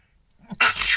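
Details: A single short, sharp nasal burst after a brief intake of air, likely from a small dog: sneezing.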